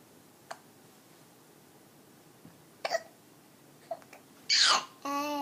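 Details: 4-month-old baby: several soft, abrupt hiccup clicks followed by breathy babbling and a drawn-out vocal sound; infant hiccups and talking.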